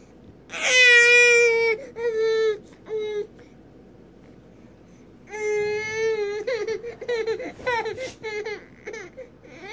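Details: Cranky infant learning to sit up from lying on the tummy: repeated fussy crying bursts with pauses between, in a small room; ordinary infant cry.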